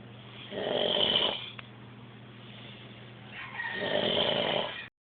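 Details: Snoring: two long, rough, hissing snoring breaths separated by a quiet pause.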